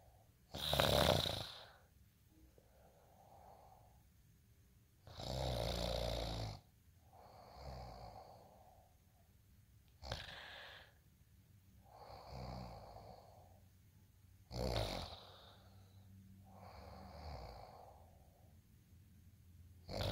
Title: day in life snoring asmr sound 230